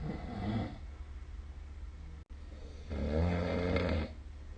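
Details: Snoring recorded with the SnoreLab app during sleep: two low, rough snoring breaths separated by a quiet pause, with steady room noise; ordinary sleep snoring.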